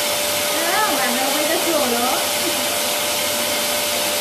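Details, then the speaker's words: A Benny nasal aspirator attached to a household vacuum cleaner suctioning a toddler's (Kevin's) nose: steady loud vacuum roar with the child's voice over it; the child reportedly enjoyed it. "con un movimento accendiamo l'aspirapolvere facciamo vedere aspiriamo questo casino vai"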